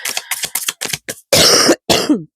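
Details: Cough from an adult woman who is losing her voice, followed by throat clearing.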